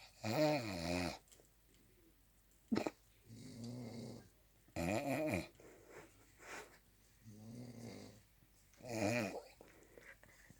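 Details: Friend asleep and snoring while another person imitates him: loud rattling snores alternate with softer mimicked snore sounds and a sharp snort.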